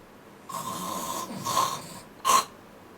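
Three noisy, rasping breath sounds of uneven length, with a steady faint tone in the background; snoring rather than coughing.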